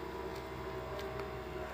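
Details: Steady low motor hum with faint room noise: an automatic arm-cuff blood pressure monitor, switched on with the on button, pumping to inflate the cuff with no hand pumping before slow release and reading.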